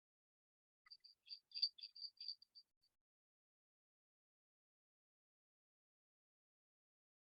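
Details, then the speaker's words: Music track processed to simulate cochlear implant hearing, played after the original audio for comparison; deterioration described as slight, with most features of the track still perceived. "esta es la la el audio original y Aquí vamos a ver la pista simulada"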